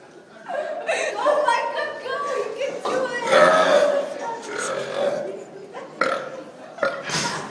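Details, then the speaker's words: Deliberate burping contest between friends, including a young woman: long, drawn-out voiced belches, with laughter and talk around them. "You want to join in on the burping contest? Come on, you have the burp lap. Come on, you could win this with the burp lap."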